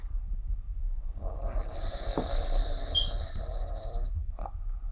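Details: Sleeper snoring with a nasal whistle: soft, rumbling snoring breath with a high, thin whistle from the nose on top, as if playing tunes.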